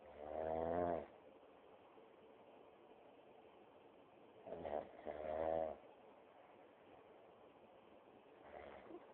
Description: this is a clip taken using my 7610 phone..turn up the volume to hear the snoring...lolzz